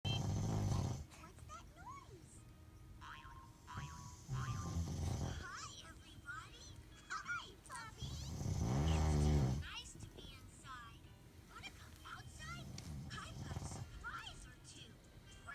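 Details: Adult man (a father) snoring with loud, low rumbling snores every few seconds, while a young child plays with toys nearby and talks; snoring.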